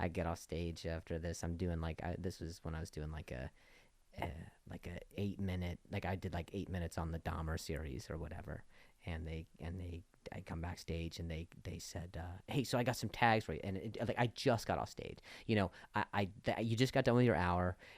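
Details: Male comedian with a stutter speaking in unscripted podcast conversation; stuttering.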